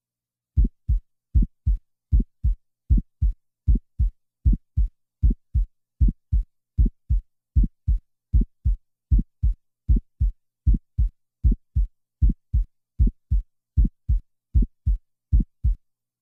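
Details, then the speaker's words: Simulated heart sounds of a two-year-old child at about 77 beats a minute, with an early systolic ejection click and no murmur yet. "now the two-year-old child in the next example an ejection click will be introduced and then a systolic ejection murmur will be added"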